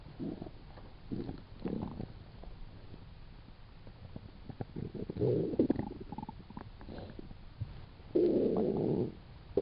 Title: stomach growls 2